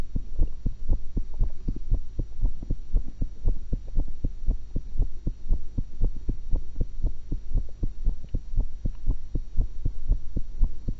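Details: Own heartbeat recorded through a stethoscope while eating, after an apple and a cucumber: steady low thumping at about 118 beats a minute over a constant hum; normal heart sounds at a fast rate.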